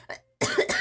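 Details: A girl with a lingering cold coughs.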